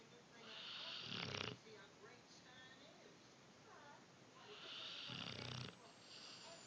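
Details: Sleeping dog snoring: two rough, rattling snores on slow breaths with quieter breathing between.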